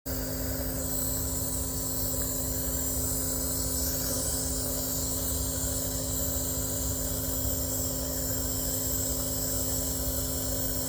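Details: Nebulizer compressor running during illness, giving a steady mechanical hum with constant hiss throughout.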